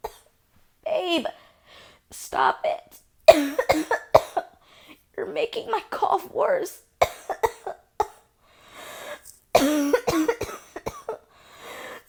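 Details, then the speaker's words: Acted roleplay of an asthmatic girlfriend whose cough is triggered by cigarette smoke, with chest tightening: repeated harsh coughs with gasping breaths between them, a coughing fit. "look I've told you so many times not to smoke around me you know I have asthma and that triggers my cough"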